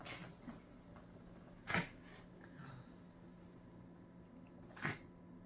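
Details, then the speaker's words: Bengal mix cat with a blocked, runny nose, on day three of nebulizer respiratory treatment for herpesvirus: two sharp sneezes about three seconds apart. "아이고 우리 새끼 아이고 코 막혀 가지고 불쌍해 죽겠다"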